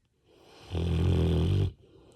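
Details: Labrador asleep with its head on its owner's shoulder, giving one loud, low, rattling snore on an in-breath lasting about a second; ordinary dog snoring.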